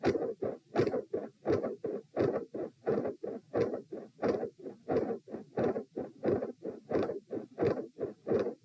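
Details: Heart sounds recorded at position P while lying down during repeated Valsalva manoeuvres.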